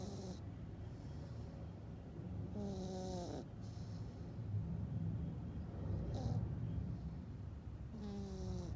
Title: 사람처럼 코골며 숙면 냥이 Cat snoring like a human (plz turn up the sound volume)